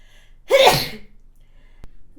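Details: Single sudden sneeze from an adult woman: a brief voiced intake, then a sharp, explosive hissing burst, followed by quiet and a small click.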